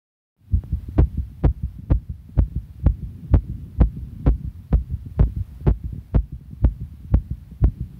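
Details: Real heart sounds, strong and regular low thumps at a fast rate of about 128 beats a minute over a faint hum.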